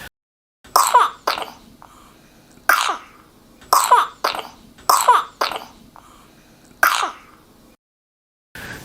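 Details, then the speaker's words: Infant with a run of short, moist, throaty coughs, a wet cough that may bring up phlegm or mucus, sometimes green or yellow, and can signal pneumonia; wet cough. "a wet cough and that wet cough may present with flim or mucus sometimes even with"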